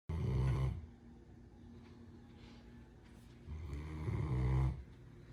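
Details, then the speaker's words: A 10-month-old female Great Dane puppy snoring while asleep in her favourite chair: two deep, rumbling snores on the in-breath, separated by a quieter pause. "um hi maddie sorry i didn't mean to wake you up you were snoring so happily oh you must rest up for more squirrel tv"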